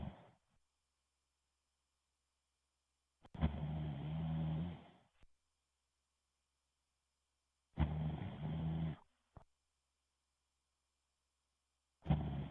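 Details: Snoring heard through Xbox Live voice chat: loud, rumbling inspiratory snores recur about every four seconds, roughly 14 a minute, over a thin connection.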